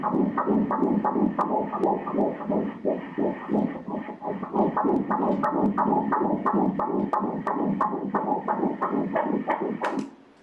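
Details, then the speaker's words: Fetal heartbeat on Doppler ultrasound at 9 weeks of gestation (crown-rump length 3 cm): fast, regular whooshing pulses at 178 beats per minute, normal. "nhịp tim là 178 nhịp mỗi phút , hãy nhìn vào nhịp tim ở giữa đây"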